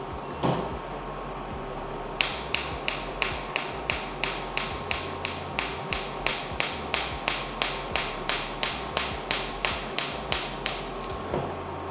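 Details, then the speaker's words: Pico laser handpiece with the 755 nm tip firing in fractional dotted mode: sharp, regular clicks about three a second over a steady machine hum, making multiple small-dot pulses. "Actually इसके fire में मैंने अभी fire करके एक बात जो note की है इसका fire fractional fractional dotted mode में आ रहा है"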